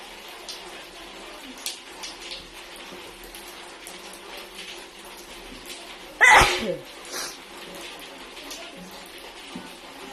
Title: filipino wide nose sneezes 👍‼️